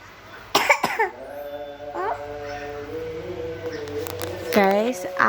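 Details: Two quick, short dry-sounding coughs from a young child named in the clip, who has had a cough that won't go away yet keeps playing; the child's voice and play sounds follow.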